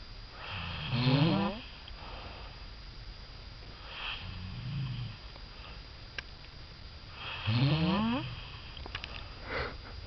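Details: Male sleeper with loud, rattling snores on the in-breaths about every six to seven seconds, a softer one between; snoring.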